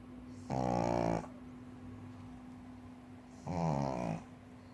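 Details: Four-year-old female pug sleeping on a cushion: two loud, rattling, buzzy snores on breathing in, with a quiet pause between; typical noisy snoring of a flat-faced dog.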